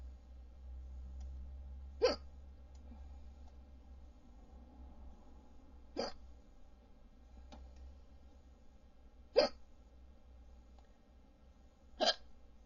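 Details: Audio-only recording: four sharp, brief hiccup sounds spaced a few seconds apart over a steady low hum; repeated hiccups.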